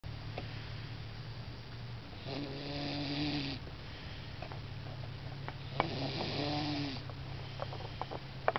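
Low, buzzing snores repeating about every four seconds over steady room hum, with a few faint clicks.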